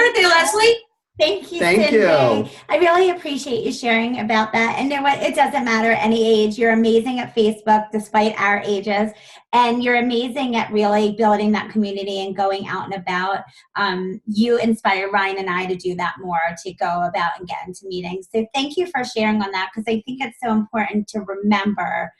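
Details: Adult woman speaking; normal voice.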